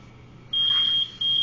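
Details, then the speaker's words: Ventilator apnea alarm: two steady high-pitched beeps on a BiPAP Vision non-invasive ventilator during a simulated NIPPV setup demo, breathing stopped so backup rate engages, alarms not yet set. "I should get an apnea alarm here. Of course, I haven't set my alarms yet."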